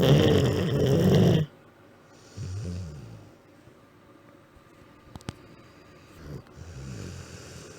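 Low rumbling snores from a sleeping dog, repeating with the breaths between quiet pauses; ordinary snoring.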